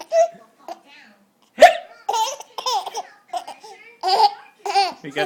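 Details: Baby boy giggles and babbles, broken by short sudden catches in the breath; hiccups amid laughter.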